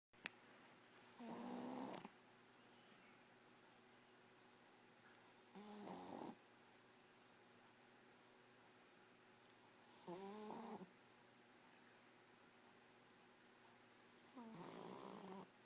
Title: Shar pei snoring